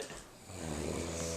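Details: Sleeping adult recorded by friends on a flip phone to show a doctor; a low, rattling snore builds over about a second with faint room noise: snoring.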